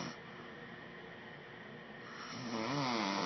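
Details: Adult man recorded by his wife while asleep: a single drawn-out, vibrating snore building in loudness over a few seconds; ordinary snoring.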